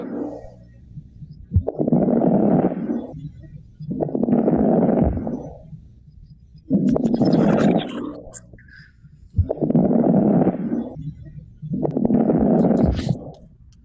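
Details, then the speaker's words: Teaching example of fine crackles (rales) in an EMT/paramedic respiratory emergency lecture: repeated noisy breaths with fine crackling, bubbling from fluid in the small airways. "so crack crackles or no a k-rails is also referred to as a like bubbling sound because it's fluid in the passages of your airway and the fluid is bubbling"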